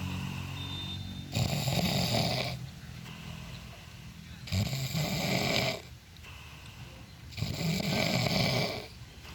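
Three loud, rough snores on the in-breath, about 20 a minute, with quiet out-breaths between: ordinary snoring.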